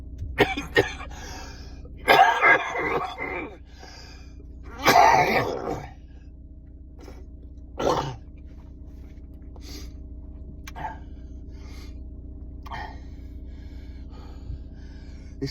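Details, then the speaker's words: Adult with a chronic lung condition on medication, having a coughing fit in a stopped car: a bout of harsh, wet coughs and throat clearing, then quiet breathing, clearing mucus; productive cough. "just having a bit of a cough fit. body's trying to clear all the mucus."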